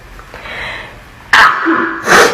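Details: A quiet indrawn breath, then two sharp explosive sneezes in quick succession: sneezing.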